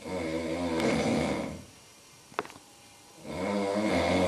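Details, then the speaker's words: Loud, rattling snore on a breath in, a quiet pause, then the next snore beginning; someone snoring at 5 a.m., loud enough to be heard from the bathroom and keeping the recorder awake. "ese cabrón no me deja dormir ronquidos se escuchan hasta el baño no"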